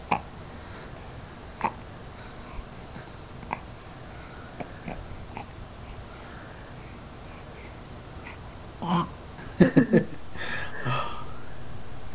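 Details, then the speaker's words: Infant boy with hiccups while awake and being talked to: brief, sharp catches recurring irregularly, with a louder cluster near the end. Hiccups. "You're camera shy now. But no, I've just got the hiccups."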